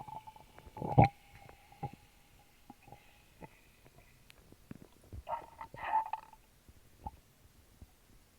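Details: Active bowel sounds recorded over own stomach while drinking a small can of Sprite: irregular gurgles, squeaks and bubbly rumbles, with fizzing as the soda goes down.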